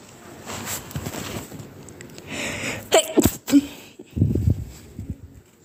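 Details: A few abrupt, muffled sneeze bursts held in with the nose pinched, over quiet room noise; pinched-nose sneezing.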